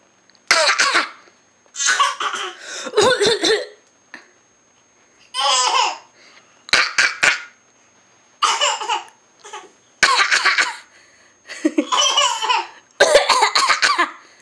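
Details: A child deliberately fake coughing: about ten short, forced cough-like bursts mixed with giggling, not illness.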